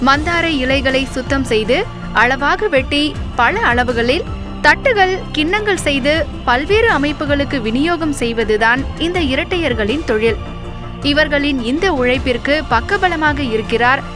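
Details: Adult female narrator; typical speech.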